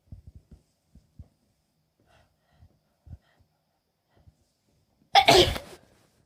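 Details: Woman coming down with a cold: a run of small hitching breaths and catches, then one loud sneeze near the end.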